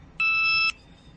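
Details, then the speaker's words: A single half-second high electronic beep over quiet room noise: the continuous glucose monitor alert, sent with readings every five minutes, for blood sugar above or below the target range. "every i mean it sends a new reading to my phone every five minutes and if i am higher or lower than my like target blood sugar range it will beep at me and so it's now beeped every five minutes"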